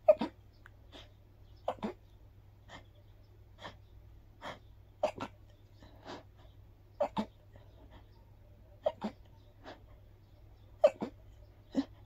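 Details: Allergic sneezing after a walk in the park, attributed to grass pollen: a run of short, breathy sneezes, often in quick pairs, with soft intakes of breath between them.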